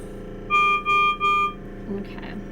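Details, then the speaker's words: Servo-U ICU ventilator medium-priority, less severe (yellow) alarm for high respiratory rate: three steady electronic tones in a repeating pattern. "and then once we relax just a high respiratory rate that's the alarm you're gonna hear for a less severe alarm"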